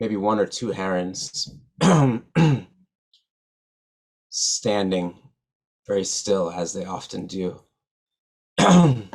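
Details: Adult man who stutters, real, speaking at a stuttering association conference; stuttering.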